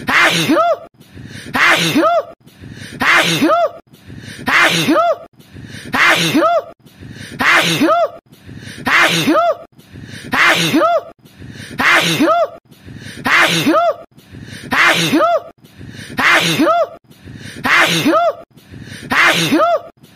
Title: sneeze 1 hour